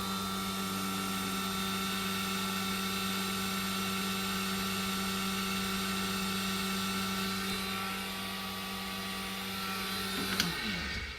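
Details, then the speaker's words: Suction pump running, recorded at roughly patient distance, estimated 70–80 dB: steady loud droning whine with low hum, dropping away as it switches off; suction pump noise. "what's that noise well that's the suction machine so he wasn't making reference to the suction noise inside the ear this is when i had the sucker out of the air it was actually the suction pump itself i'm just going to switch it on"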